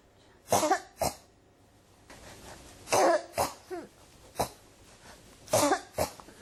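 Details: Repeated harsh cough bursts, about eight in six seconds, many in close pairs, in a quiet room: a persistent cough that won't stop.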